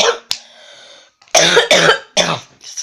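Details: Unwell person with a sore throat: a short throat sound, then three harsh, forceful coughs in quick succession in a small room.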